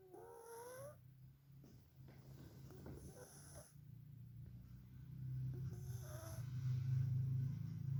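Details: Sleeping cat snoring: soft, low, rhythmic rumbling breaths with faint squeaky noises at times.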